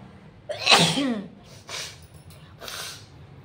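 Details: Sneeze induced with chili after a paper strip in the nose failed, leaving watering eyes and nasal pain: one loud, forceful sneeze with a sharp intake and burst, then two softer breathy sniffs or exhalations.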